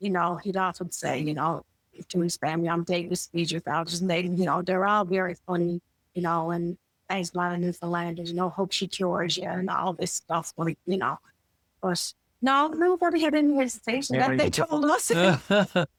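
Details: Adult woman speaking; typical speech.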